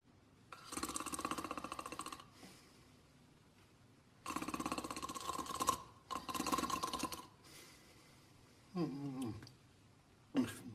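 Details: Simulated snoring by an animated cartoon dog sleeping: long, buzzing, exaggerated snores with whistly exhales; cartoon sleep snoring.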